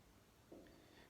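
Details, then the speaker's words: A short, soft, low gurgling stomach rumble (borborygmi) against quiet room noise, heard while the person is talking. "um that's my tummy rumbling"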